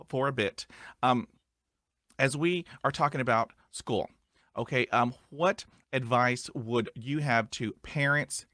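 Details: Adult male who stutters; stuttering.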